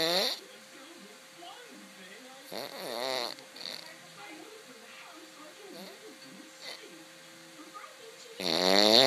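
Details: Snoring: loud, buzzing, throaty snores recurring every few seconds with quieter breathing noises between; ordinary snoring.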